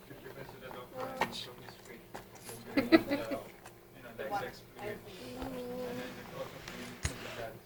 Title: singing featuring her hiccups..lol